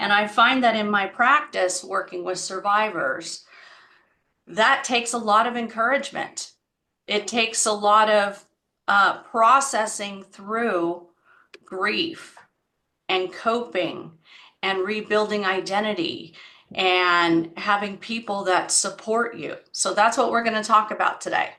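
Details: Adult woman speaking; typical speech.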